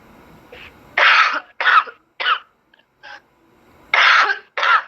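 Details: Several harsh cough bursts in two clusters with brief pauses, heard over a phone line, from a woman seven months pregnant; a repeated cough.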